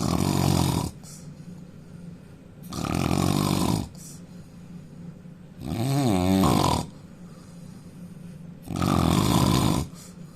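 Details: Indian man snoring loudly: loud, rumbling, rasping breaths about every three seconds, near 20 a minute, with quieter gaps between.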